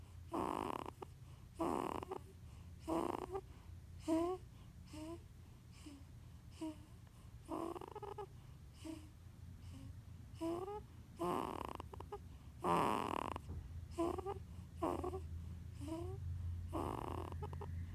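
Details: Irregular soft snorting and grunting noises with squeaky breath sounds from a sleeping 15-day-old baby girl; ordinary noisy newborn sleep breathing, snoring and grunting at once.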